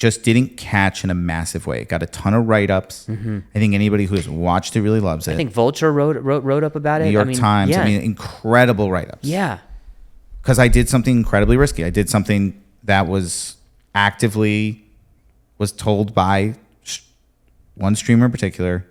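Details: Adult man; typical speech.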